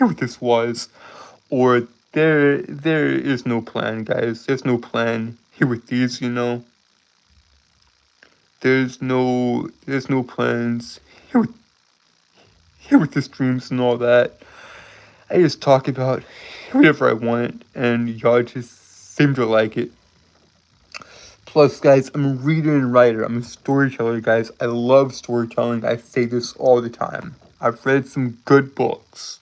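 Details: Adult male streamer with a self-described speech impediment causing stuttering, word and phrase repetitions; stuttering.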